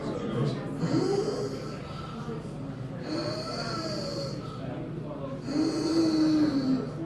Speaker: This poem is called Wake, and it starts with the sound of a death rattle.